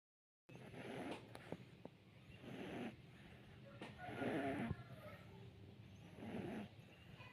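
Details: Sleeping cat snoring: soft, rough breathing noises recurring about every two seconds, with faint room noise.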